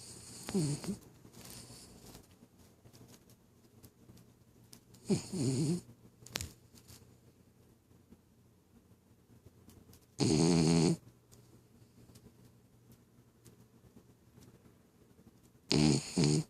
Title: My funny dog, she sleeping but she's snoring.